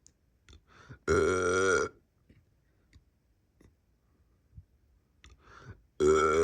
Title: Me burping